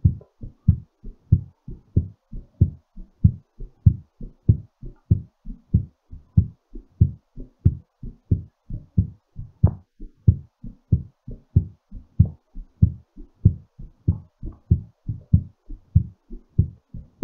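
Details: Normal heartbeat during recovery after exercise: regular, strong rhythm at about 95 beats a minute.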